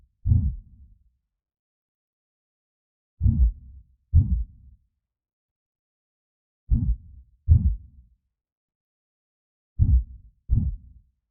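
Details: Simulated creepy slow heartbeat sound effect for horror use: paired low lub-dub thumps about every three seconds, roughly 20 beats a minute, in silence; heartbeat.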